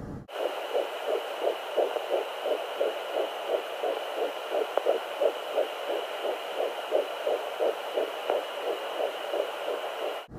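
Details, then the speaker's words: Home Doppler at about 10 weeks in a second pregnancy (heartbeat first heard at 9 weeks 1 day): fast, regular galloping whooshes at about 175 beats a minute; early fetal heartbeat. "Yeah, so I heard the heartbeat for the first time at 9 weeks and 1 day."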